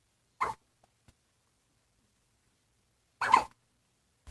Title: Double hiccups!